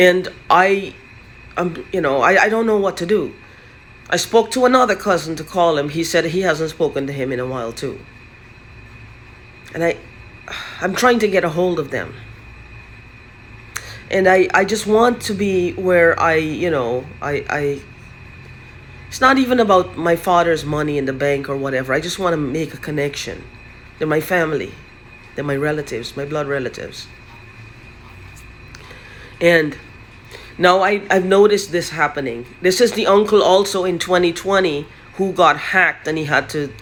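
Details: Adult man who says his current stammering and stuttering started recently; stuttering.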